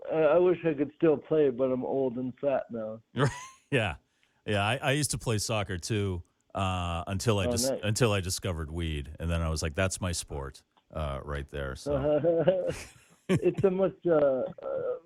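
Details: Adult male comedian with cerebral palsy, which he calls severe, has dysarthria from cerebral palsy, heard in conversational interview speech.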